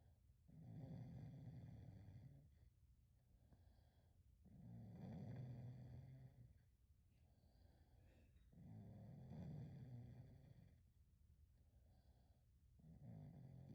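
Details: Sleeping dog snoring: low, rumbling snores on each breath, about 16 breaths a minute, with quieter pauses between them.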